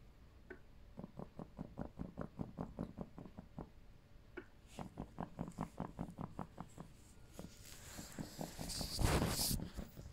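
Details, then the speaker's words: Chest drain after thoracic surgery on left side for collapsed lung from a ruptured 4.7 cm bleb, draining air: rapid, fairly regular bubbling pops about 150 a minute, showing ongoing air leak. "It's draining air because it's air leak from a big giant blister, which is called a bleb, which is dangerous. So, unless it's set for what's like 24 hour, but that noise, as you can hear, it's coming from the insides of me."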